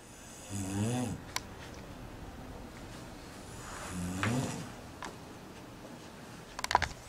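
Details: Person snoring while asleep on a trip: two loud, rattling inhaled snores about three seconds apart, with quiet breathing between and brief room noises; ordinary heavy snoring.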